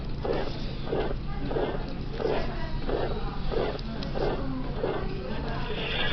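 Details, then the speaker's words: Aortic stenosis murmur: harsh, rough systolic crescendo-decrescendo ejection murmur repeating with each beat, about 94 a minute. "Systolic. Now what's the shape? Crescendo decrescendo."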